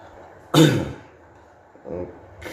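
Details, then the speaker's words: Adult with a cough lasting three to four days, before taking gamat honey cough syrup: a strong cough, a weaker second cough and a third starting; quiet room. "Kita try sebab batuknya lama sudah jam 3 4 hari sudah."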